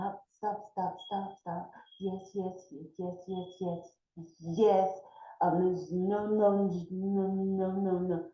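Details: Acted demonstration by a nurse aide instructor who repeats "stop", "yes" and "no" to show the repetition of words or phrases. Finding: perseveration (acted).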